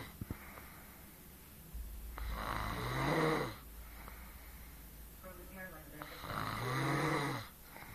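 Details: Girlfriend, who claims she doesn't snore, snoring during sleep: two long, rough, rattling breaths in about eight seconds, roughly 16 a minute, with quiet pauses between.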